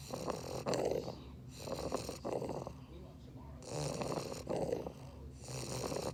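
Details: Snoring from a sleeping English Bulldog.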